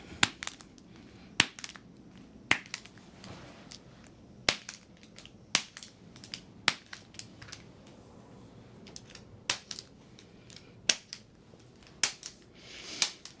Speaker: we're going to start with that that's why I use my activator there